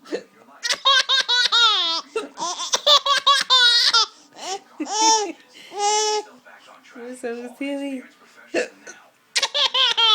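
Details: A mother's short hiccup sounds mixed into her baby's loud laughter and squeals, which take up most of the sound; harmless hiccups.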